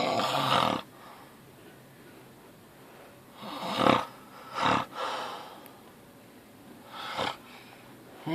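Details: Loud snoring from a sleeping adult man (uncle); snoring.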